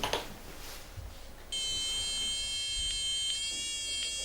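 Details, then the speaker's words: Faint room noise, then a steady high electronic tone from a DIAGNOdent laser pen on an adult patient's tooth, signalling early decay later confirmed as a cavity at the front of the tooth. "So you'll just hear a little beep when it hits the right spot, okay?"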